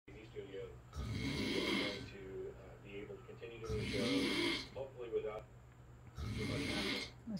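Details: Rough, rattling snores about every 2.5 seconds during sleep, with a faint hum from a pump in the room.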